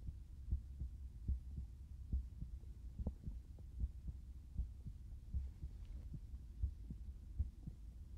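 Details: Soft, regular low thumps at about 78 beats per minute, heard through a stethoscope against a faint hum; ordinary normal heart sounds.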